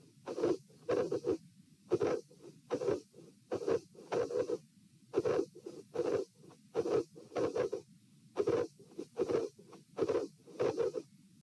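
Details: Recorded standing at position P, with a dilated aortic root: an aortic vascular click heard as a sharp early click, and a possible cyclic S3 as a faint low sound after S2.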